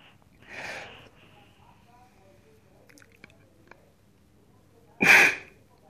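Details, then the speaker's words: Adult takes a deep breath then one short forceful blast into a peak flow meter during an asthma-assessment demonstration; reading above 450 L/min, normal. "blow the air in one shot forcefully, and the result is above 450 Liter per minute."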